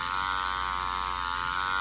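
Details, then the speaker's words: Steady high electric buzz of a microneedling pen running continuously during a PRP vampire facial, on a sensitive, thin-skinned area; needle depth is adjusted for each area. "definitely a public sitting so thin and we're changing the depth of the needle and every area"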